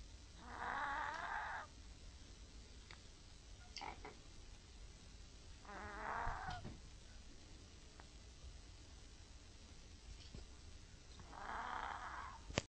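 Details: Older, slightly overweight Chihuahua snoring with rough, rattling breaths about three times in thirteen seconds; stertor.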